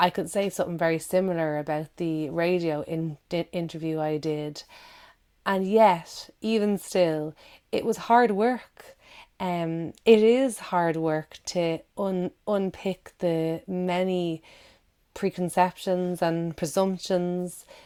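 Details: Adult woman who stammers, with audible word and syllable repetitions; stammering (stuttering).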